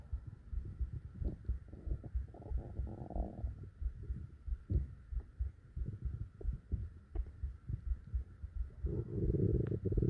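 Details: Low gurgling stomach rumbles mixed with soft repeated heartbeat-like thumps at around 90 a minute over a steady hum, recorded for relaxation and sleep; ordinary bowel sounds.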